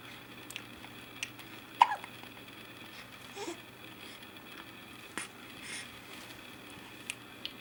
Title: Has The Hiccups